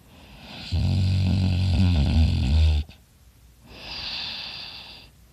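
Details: Loud snoring in a person asleep who was unaware of snoring this loudly: one long, loud, fluttering snore on breathing in, then a softer airy breath out.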